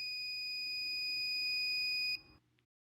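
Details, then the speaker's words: A single long, steady high-pitched beep of about two seconds as a SeQual Eclipse 5 portable oxygen concentrator, set to continuous flow, is powered on by holding the on button. "To turn it on, leave the on button pressed for a few seconds until you hear a long beep."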